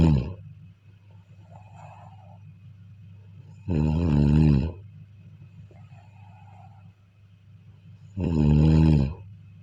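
Loud, low, vibrating snores at regular intervals, about 14 a minute, with soft breaths out between; snoring in sleep.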